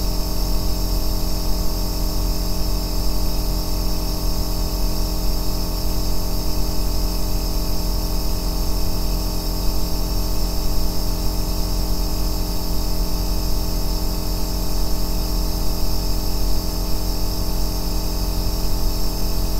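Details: Even deep drone with faint hiss, continuous throughout, from an aerosol nebulizer compressor running, recorded as a 2-hour ASMR white-noise track for sleep and relaxation.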